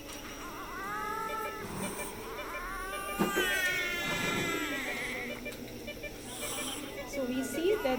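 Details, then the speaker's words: Two-month-old infant with poor weight gain after 7 days on a ventilator: severe high-pitched harsh stridor with severe intercostal and subcostal retractions; bronchoscopy found subglottic stenosis, treated by balloon dilation. "this is the uh severe Strider and severe intercostal and subcostal retractions"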